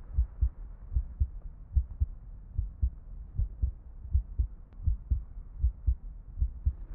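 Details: Simulated ASMR role-play of an ICU night nurse's routine exam, listening to the chest for the heartbeat: regular paired low thumps, about 78 a minute; normal heart sounds.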